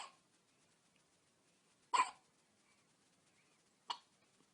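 Two brief, sharp catching sounds about two seconds apart in a quiet room; newborn hiccups.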